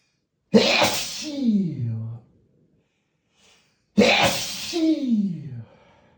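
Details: Male sneezing fit in a hotel room: two loud, explosive sneezes, each a sharp burst trailing into a falling voiced tail, separated by silence.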